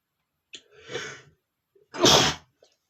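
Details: Single forceful sneeze from a male after trying to hold it back: rising breathy intake of air, one loud sharp burst, then a brief exhale.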